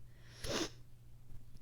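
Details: Person with allergies and a sinus infection, with facial pain, sore itchy throat and itchy watery eyes after dog sitting, dust and high pollen: a single sharp, explosive sneeze against quiet room hum.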